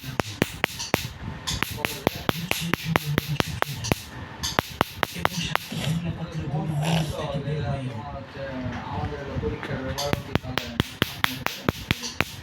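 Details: Sharp snapping laser pulses, about 90 a minute, fired in bursts, with background talk and music: laser removal of many small freckles/moles covering a man's cheeks, nose and forehead, after a cream was applied to the skin.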